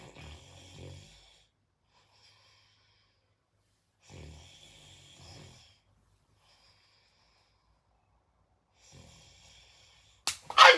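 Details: Man snoring in sleep: soft, quiet snoring breaths about every four seconds, ending with a sudden loud noise as someone pretends to sneeze on him to get his reaction.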